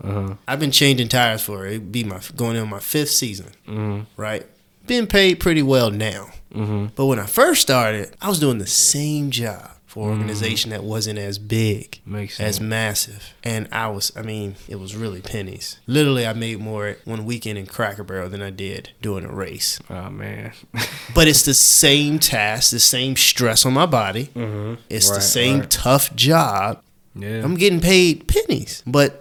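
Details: Adult male speaker; normal speech.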